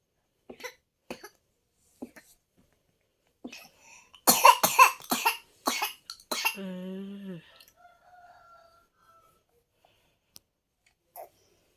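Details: Young child (little sibling) coughing at 3 a.m.: scattered short coughs, then a loud burst of several quick coughs, followed by a brief whimper or cry in a quiet room at night.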